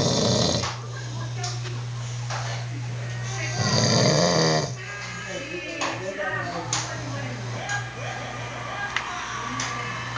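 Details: Adult man in heavy sleep, snoring loudly like a tractor: rough snores under music and a steady low hum, with loud throaty bursts at the start and near the middle; snoring.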